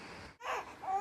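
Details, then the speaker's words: Newborn baby aged 2 months 11 days, who has not passed stool today, starts crying; parent says the baby is hungry. A brief, soft wailing infant cry amid quiet room noise. "रोने लगे। आजा आजा बेटी मेरे [रोने की आवाज़] बस बस क्या हो गया क्या हो गया भूख लग गई भूख लगी बच्चे को हां भूख लग रही"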